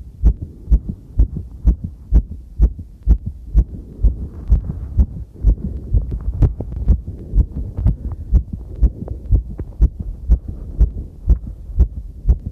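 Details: Own heartbeat recorded with a body-worn mic while cycling over challenging terrain. Fast, regular beats at about 125 a minute, a normal raised exercise rate, with heavy rumbling movement noise, distortion and clipping.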